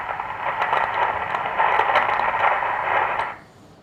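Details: Doppler at the anastomosis of a dialysis AV fistula, arteriotomy about 2.5 mm, marked aliasing: loud continuous whooshing with pulsatile surges, peak systolic velocity around 400; high-flow arteriovenous fistula Doppler signal.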